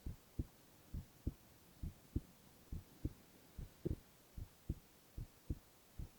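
Steady low heartbeat thumps at about 67 beats a minute, quiet room; normal heart sounds.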